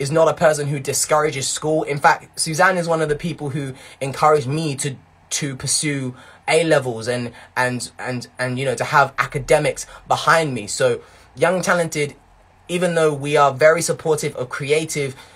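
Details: Residual mild stuttering in a young man whose stutter began in his early teens and worsened with blocks and unusual noises, now much improved; word repetitions remain.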